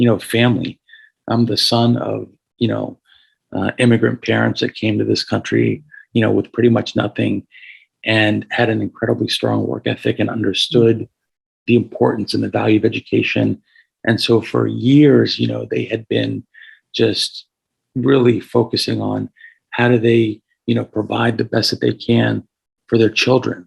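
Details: Adult man with a paralyzed vocal cord after being shot in the throat at 17 (1994), with carotid injury, tracheal rupture and about 6 months of tracheostomy; he notes audible raspiness; vocal cord paralysis with hoarse voice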